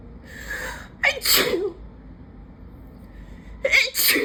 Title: Loud allergy sneezing fit on the patio